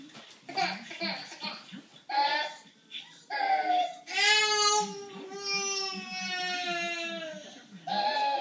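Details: 14-month-old girl: long high-pitched musical breath sound while crying, present with crying since birth and now also when not crying, with pauses in breathing followed by a big gasp; parent suspects stridor.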